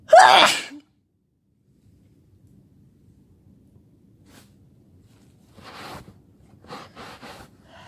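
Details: Single loud, explosive sneeze, then quiet breathing and faint rustling, from a sick person who has been sneezing all day and has a headache.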